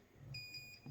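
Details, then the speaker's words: Alarm of an Optune device worn on the head of a cancer patient: repeated high-pitched electronic beeps, usually triggered by loose wire connections. "Now that's the alarm that goes off anytime this thing's not happy. And I'll let you listen to that and tell you"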